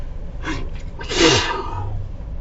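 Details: A short inward catch of breath, then one loud explosive sneeze from a person inside a car, with car cabin noise behind.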